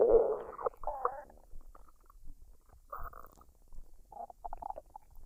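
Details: Woman's stomach digesting a dinner of fried rice and duck, unedited, no talking: soft gurgles and bubbling squeaks, irregular and intermittent. Normal bowel sounds (borborygmi).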